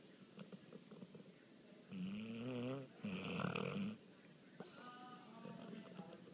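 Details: Deep sleeper who snores loudly enough to be heard in the next room: loud, buzzing snores on back-to-back breaths, each about a second long, with quieter breathing between; ordinary snoring.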